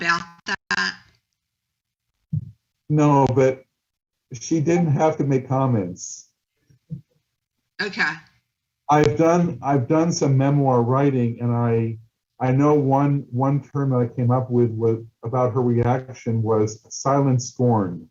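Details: Adult male person who stutters, a documentary filmmaker, speaking at a stuttering event, with audible word repetitions; stuttering.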